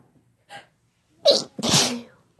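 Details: A short intake of breath, then a two-part sneeze with a sharp burst and a longer voiced release, from a woman or man in a sneezing compilation.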